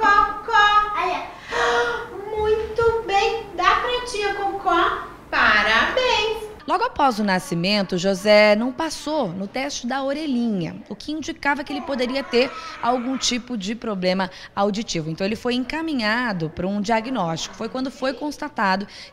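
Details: Adult reporter narrating in Portuguese; Normal adult speech.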